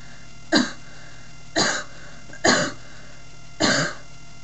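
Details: Dry cough from someone unwell who is losing their voice: four short, sharp, dry coughs about a second apart, with no rattle or wet sound between them.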